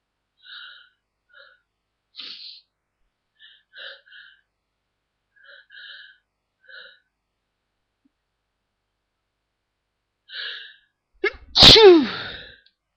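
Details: Someone deliberately trying to stifle sneezes, largely unsuccessfully: several short, muffled, held-back breathy bursts, then a fuller sneeze breaking through at the end.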